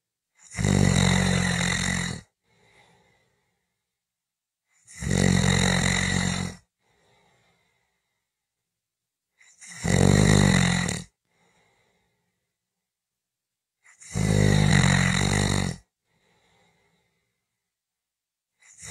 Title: 5 Minutes of snoring Audio